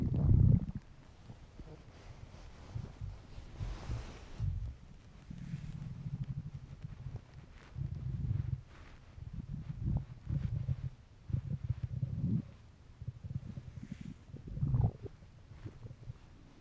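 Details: Man's hungry empty stomach: low, irregular gurgling and groaning rumbles, borborygmi.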